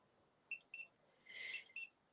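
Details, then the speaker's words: A finger pulse oximeter gives short, high-pitched beeps while taking a reading; oxygen saturation reads a low 89 percent, accepted as not too bad. "Beeping. Not too bad though. 89. I will take that."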